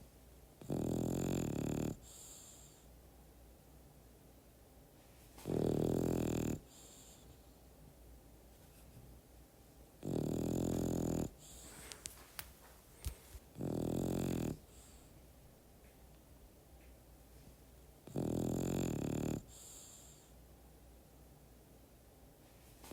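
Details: Sleeping French bulldog snoring loudly and roughly, about five snores in twenty seconds with quiet pauses, mixed into ambient sound; snoring.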